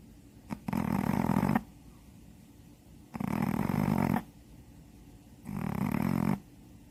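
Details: Snoring in a Shih Tzu dog, estimated 7–8 years old, blind in the left eye, after nostril-widening surgery: three loud, rough snorting snores about two and a half seconds apart, roughly 24 breaths a minute, in a quiet room.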